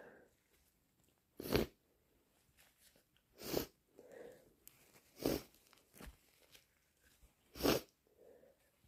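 Four sharp explosive sneezes with sniffing and softer breathy sounds between them, fitting repeated hay fever sneezing.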